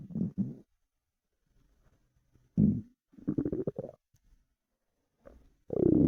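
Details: Bowel sounds from an empty stomach after 4 hours without food: intermittent low gurgling rumbles separated by quiet gaps; normal hunger-related borborygmi.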